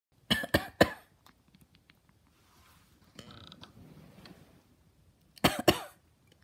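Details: Five sharp, dry coughs in two clusters of three and two, with quiet chattering sounds in the pause between; cough.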